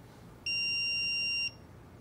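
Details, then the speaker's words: Single steady one-second high-pitched AED prompt tone right after a shock is delivered, signalling to begin CPR at 30 compressions to two breaths, in a simulated CPR/AED training demonstration. "use the aed's built-in cpr voice prompts and metronome to ensure the correct speed of compressions and ratio of cpr"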